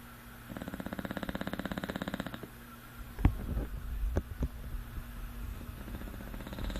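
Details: English Bulldog snoring while asleep; one long, fluttering snore on the in-breath, followed by rustling and room noise.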